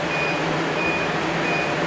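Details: Laser hair removal on a man's shoulders and back, his first session, reported painless: short steady high beeps repeating about every 0.7 seconds over fan and room hum as the laser fires pulses.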